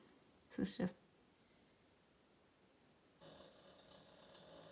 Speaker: Как храпит Это мой мопс